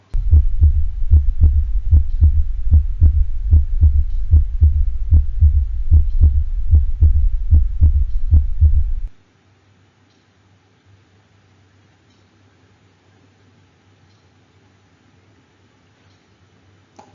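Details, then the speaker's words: Heart sound simulator recording of a dog: rapid rhythm with an extra early diastolic sound, an S3 gallop, then quiet hum. "let's listen to an attempt of the heart sound simulator to create an s3 sound and a horse and now the heart sound simulator is going to cry and create an s3 gallop in a dog"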